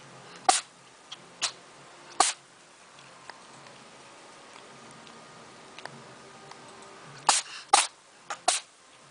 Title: Sneezing Animals Funny Sneeze Attacks Funny Pets